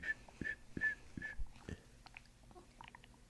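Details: Abdominal gurgles during a chiropractic session while the patient breathes into the belly: quick squeaky, whining gurgles with soft low thumps; borborygmi (bowel sounds).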